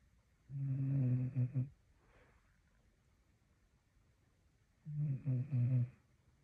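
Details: Staffordshire Bull Terrier dog snoring like a chainsaw: two loud, rattling, buzzy snores on inhaling, about four seconds apart, quiet between.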